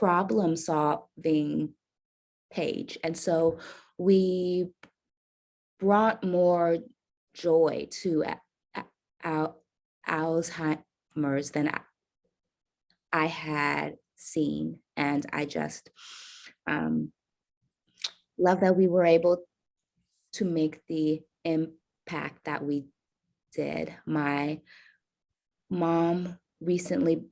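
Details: Stuttering in an adult woman caregiver who says she stutters.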